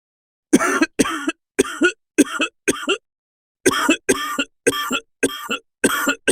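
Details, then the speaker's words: About ten short, harsh coughs in two bursts, performed by a narrator as a wounded character's sudden wheezing coughing fit in an audio drama; simulated cough. "Then, out of the blue, he started wheezing and coughing up a storm."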